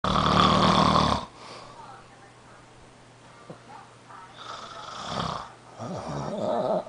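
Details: Father snoring during sleep: a loud, rough inspiratory snore, then quieter breathing and a second rattly snore.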